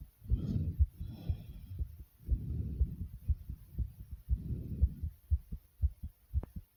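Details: Heart racing right after 65 jumping jacks: fast, strong, regular pounding heartbeat near 120 a minute, a normal rapid heartbeat after exercise.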